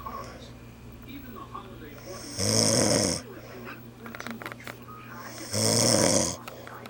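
Two loud, harsh rattling snores about three seconds apart, with soft breathing and slight room noise between; typical snoring.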